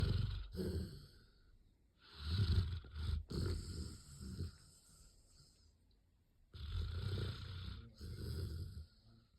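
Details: Sleeping black Labrador dog, apparently dreaming, with deep, rumbling snores and irregular snorting bursts; ordinary snoring.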